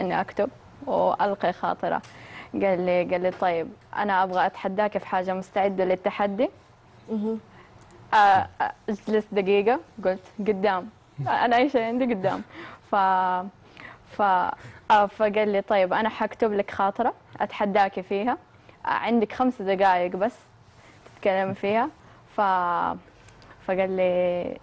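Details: Young woman who has stuttered since age 6, attributed to psychological factors such as stress at the start of school; stuttering.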